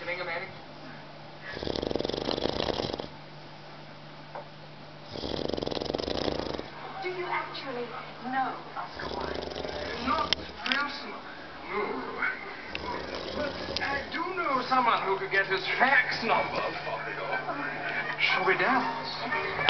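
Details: Two loud, rough snores on breathing in, followed by indistinct background talk, from an adult man asleep after seven hours at the pub; snoring.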